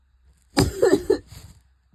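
A sharp, harsh adult cough followed by a short voiced, strained sound, part of a painful coughing fit.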